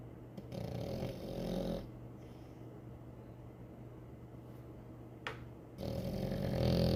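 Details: Low rumbling snores with quieter pauses between louder stretches from a sleeping French bulldog; snoring.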